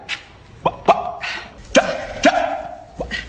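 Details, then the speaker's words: Acted vocal tics of Tourette syndrome in a dramatized film about a teacher who has had Tourette's since childhood: short, sudden yelping and bark-like vocal noises in quick bursts. "I'm sorry but how can you expect kids to learn when you're doing that all the time"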